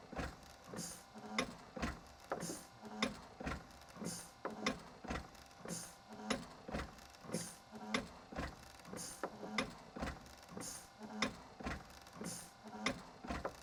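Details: TU Delft Project Inspiration invasive mechanical ventilator with PEEP valve, based on the East Radcliffe design, running: steady cam-driven cycling with regular clicks and motor hum, about 37 cycles a minute.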